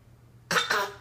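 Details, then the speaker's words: After a quiet moment, two quick harsh bursts from a young child imitating how daddy coughs; a playful pretend cough, not a true one. "How daddy coughing? How daddy cough?"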